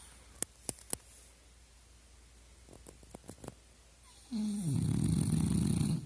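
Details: Sleeping dog (Maynard): a few soft clicks, then a steady low rumbling snore; snoring.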